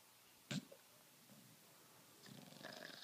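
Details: Bullmastiff dog snoring in sleep while apparently dreaming (owner wonders if it is a bad dream): a sudden snort or muffled yip, a quiet pause, then rough, rattling snoring breaths building toward the end.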